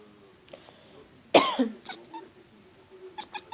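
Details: A single loud, harsh cough followed by faint cat sounds and light room noise; the cat dislikes it when someone coughs.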